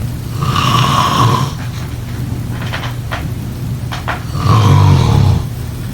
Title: #snoring #snoringsleepingsoundeffect #snoringsounds #sleepsounds #snoringasmr